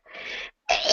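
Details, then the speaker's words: A single adult sneeze during a reading aloud: a brief breathy build-up, a short pause, then a sharp explosive burst. "There's a sneezes. Excuse me."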